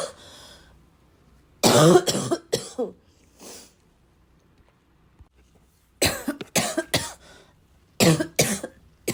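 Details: Persistent bad cough in a prolonged coughing fit, described as a little wheezy, a little chesty and barking as always: two clusters of harsh, loud coughs, about six bursts, with a throat clear.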